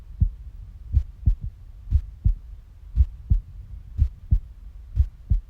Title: passionate heartbeat sounds